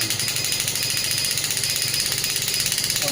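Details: Pneumatic radial shockwave therapy device demonstration with frequency and energy raised, machine on a table: rapid steady mechanical tapping, about 200 pulses a minute, hissy and sharp.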